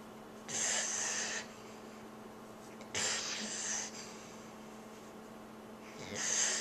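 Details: Slow, loud hissing, rasping snoring breaths in a steady cycle of about 20 a minute; snoring.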